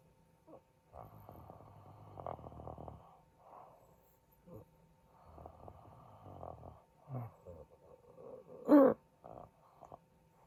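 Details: Quiet, irregular snoring and breathing noises during sleep from an adult man, with gaps between breaths and one louder snort; snoring.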